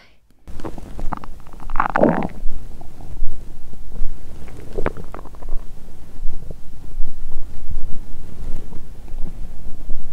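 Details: Loud, continuous low rumbling and gurgling from an abdomen after drinking wine and a large Christmas dinner following a 22-hour fast; she is drunk and nauseated and lying down: borborygmi, stomach growling.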